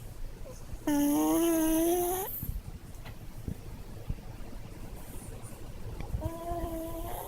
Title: チワワのいびき - Snoring Chihuahua -